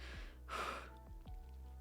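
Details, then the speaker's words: A hiccup from an adult woman during a 1.5-hour hiccup bout: a single abrupt, gulping catch of breath mid-swallow, over steady background hum. "ah it's just it's really not comfortable because I'm throwing up a little bit oh God I don't know if you can hear the it's it's hiccup burps oh God it's gross"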